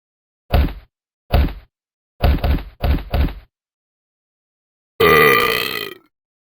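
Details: Person burping: five short, deep burps in quick succession, then one longer, louder voiced belch, with silence between them (eructation).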